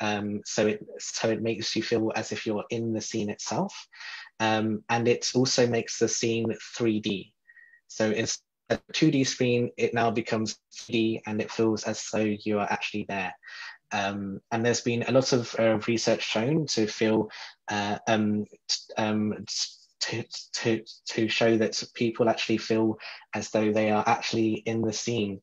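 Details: Adult who describes himself as a person who stutters, speaking in a podcast interview; stuttering.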